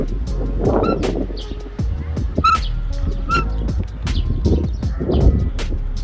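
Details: Camel at a zoo chewing food: repeated crunching and grinding clicks with birdsong and outdoor rumble behind: teeth grinding during chewing.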